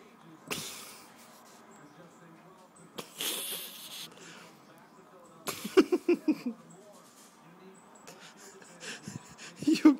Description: Baby with the hiccups